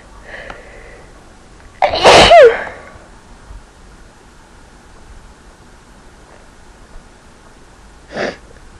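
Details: Induced sneeze: a short inhaled buildup, then one loud explosive sneeze with a voiced tail, followed by quiet breathing; sneezing.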